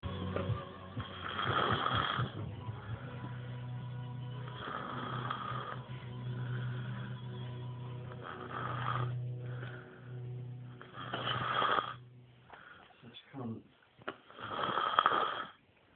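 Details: Loud, rough, rattling snores repeating every few seconds, with a low droning sound and music in the background; snoring.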